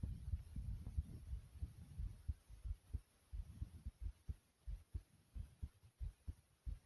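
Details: Own heartbeat: soft, low thumps at roughly 90 a minute, fading from louder to quieter and soothing over a faint hum; heartbeat.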